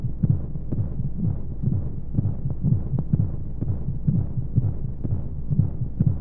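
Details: Womb sound played as a baby sleep aid with white noise: soft, regular, low heartbeat thumps, about 125 a minute, over a steady whooshing rumble of flowing sound.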